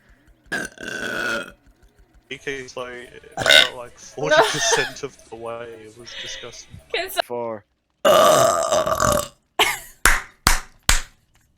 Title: The Ultimate Girls Burps Compilation 2 #BURP